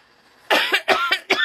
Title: coughing